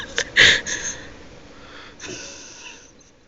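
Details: Sneeze deliberately induced by pushing tissues into the nose, with watering eyes: a sharp, explosive burst of air through nose and mouth, then a softer second puff.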